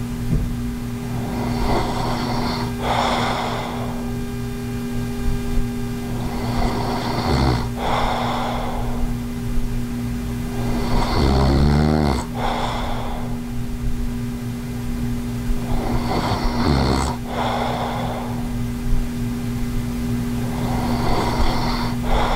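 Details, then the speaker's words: Snoring during sleep in an adult with sleep apnea wearing an anti-snoring mouthpiece: sleeping breaths about every five seconds, with snoring and two louder snorting bursts. "okay now that you know what sleep apnea does sound like i did have two separate clips one without a stop snoring device and one with one"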